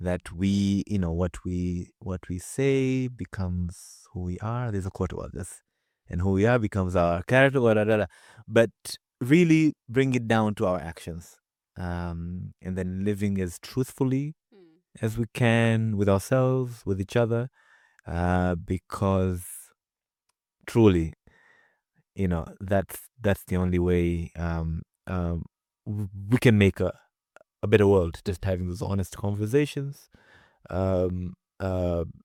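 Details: Adult man with a stutter, a real speaker rather than an acted one, heard in natural conversational speech; stuttering.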